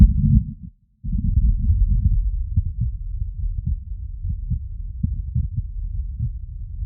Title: Heartbeat auscultation stethoscope heart sounds with phonendoscope CS-417 + electornic